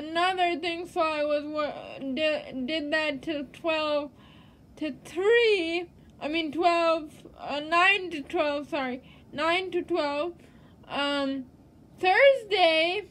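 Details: Woman living with cerebral palsy, real, self-identified; dysarthric speech due to cerebral palsy.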